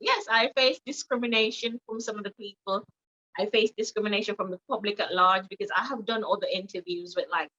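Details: Jamaican woman with foreign accent syndrome after a life-threatening accident causing brain damage with swelling; British-sounding accent she cannot control, with patois slipping in when emotional; foreign accent syndrome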